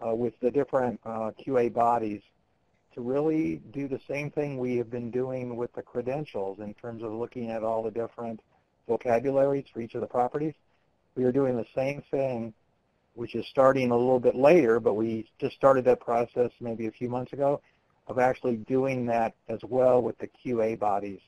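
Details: Adult male speaker; normal speech.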